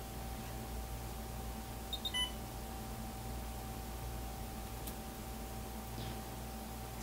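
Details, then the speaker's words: A few brief electronic beeps over steady room hum as an IV infusion pump powers on before it is programmed for a dobutamine critical-care infusion in a nursing demonstration. "first we need to turn the IV pump on give it a second to completely turn on"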